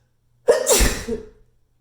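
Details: One loud sneeze with short in-breath and explosive burst echoing in a small tiled bathroom; sneeze.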